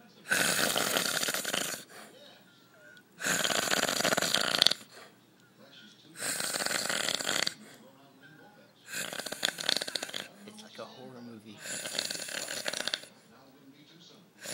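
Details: Very loud snoring in a sleeping man described as struggling to get air, tongue seen falling back into the throat: harsh, rattling snores about every three seconds, roughly 20 a minute.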